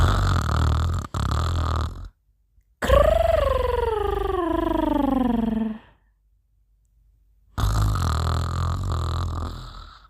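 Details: A female snoring "like a tiger" in her sleep: loud, rumbling breath sounds alternate with a long, falling, groaning tone and silent pauses.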